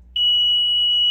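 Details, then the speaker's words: Start-up beep of an Invacare Perfecto 5-litre oxygen concentrator at switch-on: a steady high-pitched electronic beep. A green light then shows that oxygen is pumping, after a few seconds. "you're gonna hear that beeping noise and then you should see a green light here once that green light turns on that means your oxygen is uh is pumping right"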